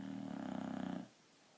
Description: More of the cutest white boxer snoring peacefully on the couch.